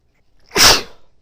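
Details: Female sneezing into tissues, triggered by bobby pins: a single sharp, hissing sneeze burst of about half a second.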